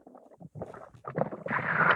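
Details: Normal bowel sounds of the intestines heard through a stethoscope on the abdomen, in a children's demonstration of stethoscope use.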